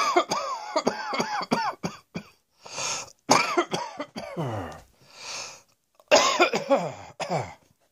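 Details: Bursts of short, harsh coughs in clusters with breaths between them, some ending in a voiced, throaty tail; repeated coughing.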